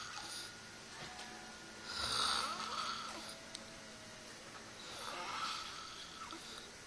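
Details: Person snoring while asleep among friends: two slow, raspy, fluttering snores on breathing in, about three seconds apart, with a quiet room between.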